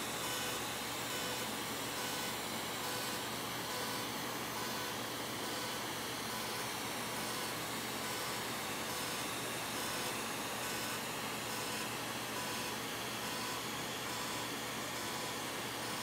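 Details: Steady loud airy suction roar with faint rhythmic pulsing from a smoke evacuator during UltraPulse fractional CO2 laser resurfacing of a patient's face for fine lines and wrinkles, after dental-block numbing.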